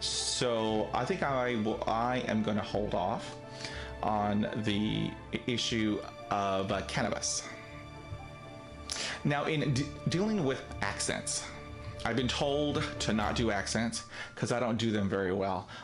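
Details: Adult man with real stuttering, present every day; he reports being told he does not stutter after drinking alcohol and did not stutter when acting a character in high school: stuttering.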